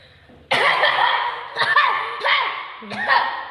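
Four forceful, voiced, exaggerated coughs from an adult, acted as an angry or emotional cough.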